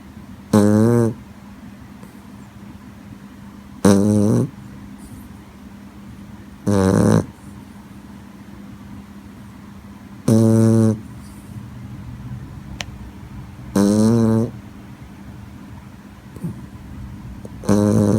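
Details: Child sleeping and snoring very loudly: loud, rattling snores on each in-breath, about 17 a minute and irregularly spaced, with a steady background hum.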